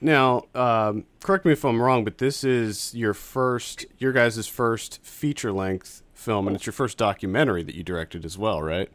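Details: Adult male speaker; ordinary speech.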